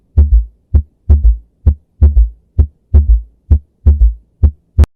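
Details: Third heart sound (S3 gallop): regular heartbeat near 65 a minute with a soft low extra sound after the second sound, in the middle third of diastole.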